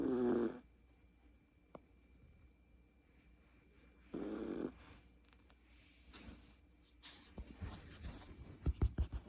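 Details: Chihuahua puppy asleep, two short rasping snores several seconds apart, then rustling and handling noise: snoring.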